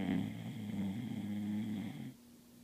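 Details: Snoring during sleep: a single long, low, rumbling snore of about two seconds, then quiet room noise.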